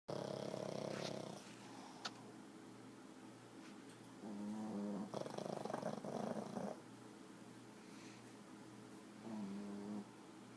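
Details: Pug snoring while resting after Thanksgiving: repeated rattling, buzzy breathing sounds, a few snores over about ten seconds.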